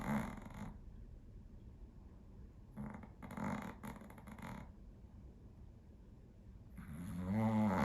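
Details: Sleeping dog snoring: rough, rattling snores in slow cycles with soft breathing between, ending in a louder, rising snore.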